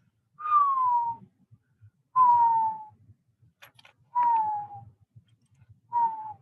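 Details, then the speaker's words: Repeated high, musical whistling tones with each breath, slightly falling in pitch: wheezes from bronchial smooth muscle contraction narrowing the airways, possibly with added mucus from inflammation. "So now you got less air going through there, like your lips, and you start to hear the what sound? Wheezes."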